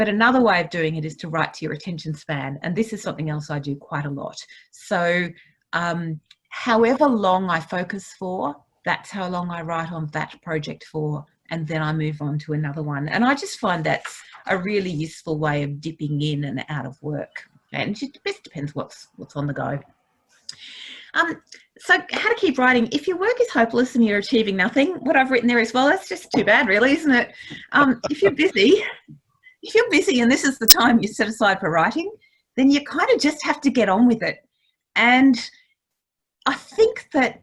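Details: Adult woman speaking; ordinary speech.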